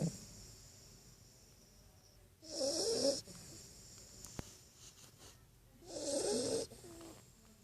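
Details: Great Dane puppy snoring in sleep: two rough, rattling snores on the in-breath about three seconds apart, with quiet breathing between; ordinary dog snoring.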